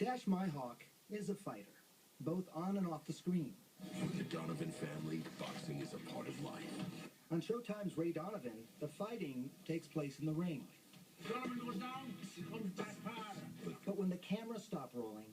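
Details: Adult male narrator; ordinary fluent speech.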